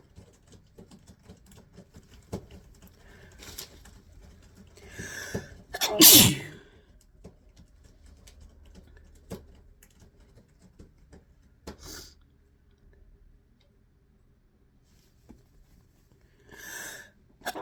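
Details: One loud explosive sneeze with smaller sneezes and sniffs around it against quiet room noise, from a compilation of induced and natural sneezes.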